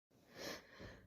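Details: Single breathy sneeze with a sharp intake and burst of air in a small quiet room; person says they are sick and constantly sneezing.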